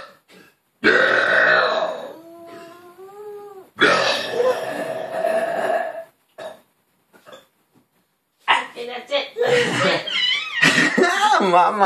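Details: Two long, loud burps from a father, each followed by the delighted laughter of his 8-month-old daughter; ordinary belching.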